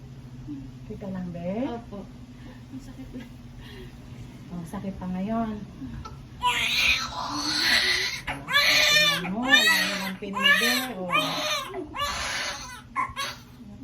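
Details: Newborn just after a normal vaginal delivery: repeated strong crying bursts over adult voices and room noise; a vigorous normal newborn cry.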